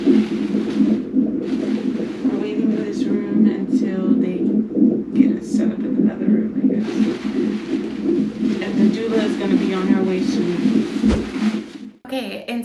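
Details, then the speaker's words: Fetal heartbeat on monitor, rapid whooshing pulses about 160 per minute with room noise, in a first-time mother in labor at 5 cm cervical dilation. "so right now we're just waiting in this room that's your heartbeat baby"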